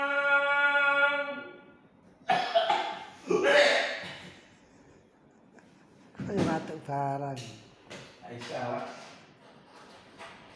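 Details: Cough while practising the call to prayer (adzan): a sustained chanted note breaks into two harsh coughs, then the voice resumes in short, uneven sung phrases.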